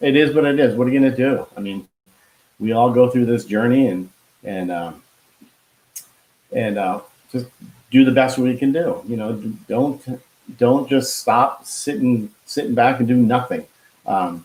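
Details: Man who had a heart attack and stroke at age 49 and could not talk at first; he still loses words and says he was told it is expressive aphasia; finding: expressive aphasia.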